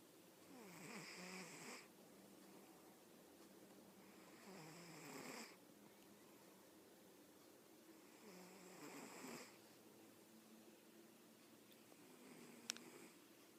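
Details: Soft rasping snores, three slow breath cycles about every four seconds with quiet pauses, in a quiet room from a comfortably sleeping snorer: snoring.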